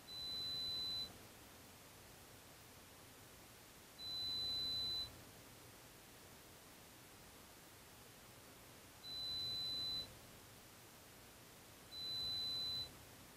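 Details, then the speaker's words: Adult pure-tone audiometry demonstration at a university hearing clinic: four steady one-second high test tones separated by silent gaps. They are raised in 5 dB steps until the client responds to two of three ascending presentations, to find the hearing threshold. The client reports trouble hearing in background noise. "At this point the intensity level is increased in five decibel increments until a response is obtained This is repeated until the client has responded to two out of three ascending presentations"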